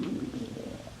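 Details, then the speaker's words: Person, hungry: a low, rolling gurgle with wavering pitch lasting about a second; stomach growling (borborygmi) from hunger. "Oh, can you hear my stomach growling? I'm so hungry."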